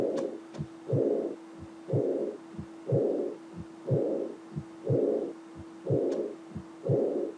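Regular heartbeat near 60 a minute with a blowing diastolic murmur after the second sound, fading before the next beat; aortic regurgitation murmur, steady background hum.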